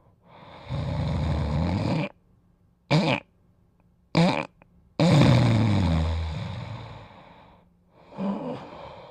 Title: Dodger Sleeping & Snoring